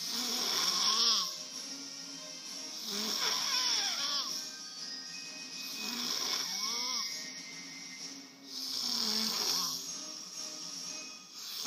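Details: Person caught sleeping on the couch: four rhythmic rising-and-falling rattling snores, about 20 a minute, over steady background hiss; ordinary snoring during sleep.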